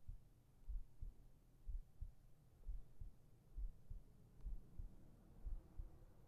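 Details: ASMR heartbeat recording for sleep, with whispered voice: soft, regular lub-dub at about 64 beats a minute under a low steady hum; normal heartbeat.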